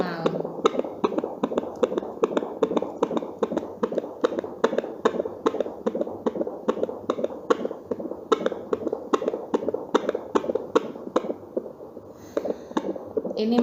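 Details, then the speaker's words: Fetal heartbeat on a fetal Doppler: rapid, steady pulsing beats over a soft whoosh. The monitor shows 123 per minute, and the rate and regular rhythm are normal. "nah ini merupakan Detak jantung janin ya jadi di monitor ini menunjukkan angka 123 itu tandanya dc-nya normal"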